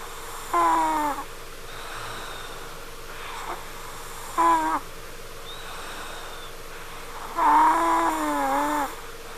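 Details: Daughter snoring upstairs, said to sound like a crying baby or a cat: high-pitched, squeaky whistling snores with each breath, about every three to four seconds, against a steady background hum.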